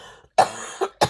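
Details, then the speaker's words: Three short, sharp coughs in quick succession from an adult who sounds snuffly, suspects a head cold and feels a tickle in the throat; quiet room. "sorry about the coughing. And if I sound a bit snuffly, that's also because I think we're officially in head cold season."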